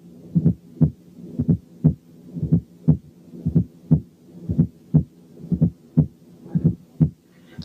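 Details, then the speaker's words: Fourth heart sound heard at the apex with the stethoscope bell: slow regular heartbeat about 58 a minute with a soft low extra thud just before the first sound. "حالة 1 كانت فورس هارت ساوند."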